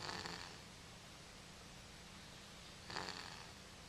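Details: Two soft wheezy snoring breaths about three seconds apart from a sleeping cat over steady room hiss, recorded on a Flip Video camera; snoring.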